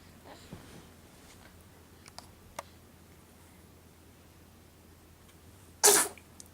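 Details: A few soft sniffs, then a single sharp, hissy sneeze in a quiet room, from a subject in his plastic jungle; sneezing.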